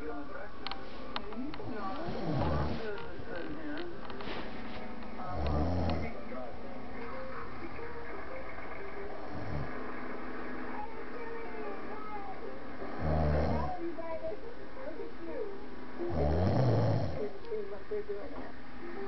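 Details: Deep, rumbling snores about every three to four seconds, roughly 17 a minute, over background noise and faint music; epic heavy snoring during sleep that "shakes the walls."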